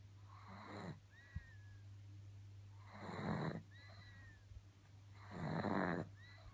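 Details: Pug snoring: loud rattling snores recurring roughly every two to three seconds over steady room hum, with faint whistling between breaths.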